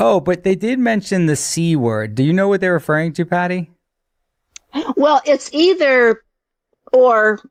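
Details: Two adults in conversation; ordinary speech.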